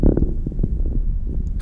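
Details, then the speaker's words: Lung recording made alongside lung ultrasound showing B-lines moving with respiration in a patient with a severe condition: short irregular popping crackles over a low rumbling background, lung crackles. "you can do the same thing with lung so you see a few be lines uh flowing across there with respirations uh and you hear the crackles of um this a a patient with severe um"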